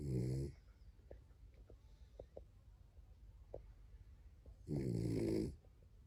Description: OUR DOG MISSY sleeping on my lap snoring Hope you enjoy